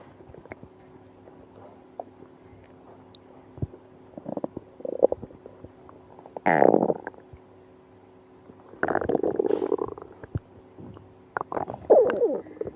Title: Stomach pain after eating ice cream (stomach noise)